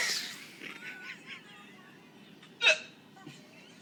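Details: Adult coworker with bizarre hiccups, trying to control them: a sharp, abrupt hiccup sound with brief laughter and a voice around it; hiccups.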